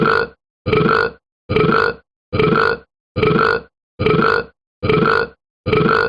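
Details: Repeated burping: eight loud, evenly spaced burps over about six seconds, roughly one per second; repeated belching.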